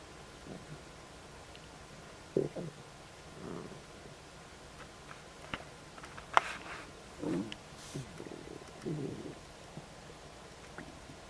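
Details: Quiet, irregular gurgles and rumbles over a soft hiss from the stomach of someone who has just eaten ribs, salad and fried yucca; ordinary stomach rumbling after eating.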